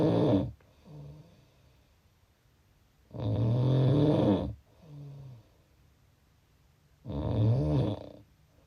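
Loud rattling snores on each breath in, each followed by a softer breath out, about 16 breaths a minute.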